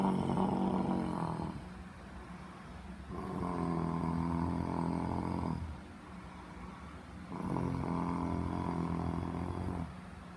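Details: Simulated snoring: an adult husband pretends to be asleep and fakes long, rumbling, fluttering snores, about 17 a minute, with softer breaths between.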